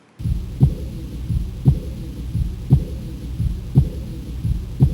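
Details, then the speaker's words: Continuous blowing murmur heard in the same patient with Sydenham chorea; timing relative to S1 and S2 is still being worked out. "हाँ, एक blowing सा मरमर है, बिल्कुल एक blowing सा मरमर है। तो दिस इज़ अ मरमर।"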